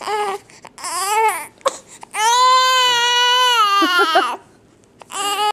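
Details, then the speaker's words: Infant who got hiccups after finishing his bottle, now cranky and upset, cries in long, strained wails with brief sobbing breaks; ordinary infant cry. "you're on camera you can't cry no we're just gonna be cranky are we gonna be cranky"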